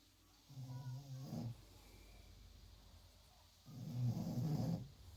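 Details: Two loud, low, fluttering snores a few seconds apart with quiet breathing between them, heard in the background; snoring.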